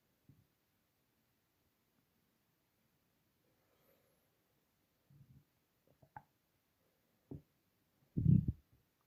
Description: Wow! That's loud! Even without microphone